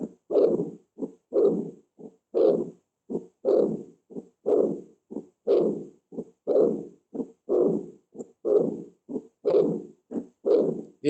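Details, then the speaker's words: Austin Flint murmur from severe aortic regurgitation: regular heartbeat near 60 a minute with a low rumbling diastolic murmur, as regurgitant blood returns to the ventricle in diastole. "e este soplo de autoinflables se llama así es un soplo histórico por una insuficiencia aórtica se llama así por un honor al doctor qué lo describió lo luego detalló este soplo al haber una gran insuficiencia aórtica provoca en la diástole 20 igual verdad que regresa la sangre a ventríc"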